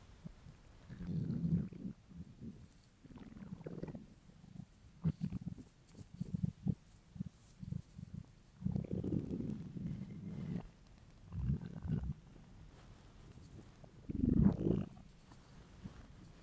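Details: An adult male's empty, hungry stomach: repeated low growling and gurgling rumbles in bursts, ordinary hunger borborygmi.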